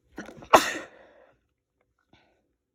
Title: Trying to keep sneezes quiet